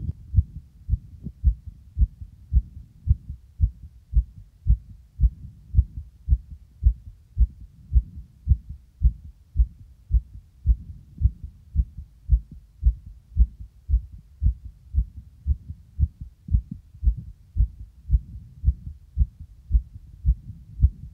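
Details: Adult male's own heartbeat recorded just after exercise: strong, regular low thumps at about 110 beats a minute, a normal fast heartbeat that gradually slows.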